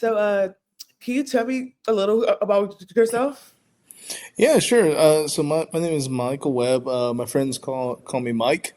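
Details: Stuttering in an adult man who identifies as a person who stutters, with audible word and sound repetitions.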